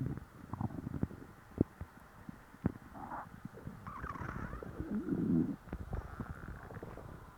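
Low gurgling and rumbling with irregular bubbly squeaks, typical stomach growling from a full stomach.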